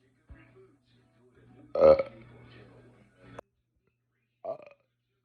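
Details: One loud, drawn-out belch followed by a few smaller burps over soft background music, during a long burping session by someone who was not feeling well that day.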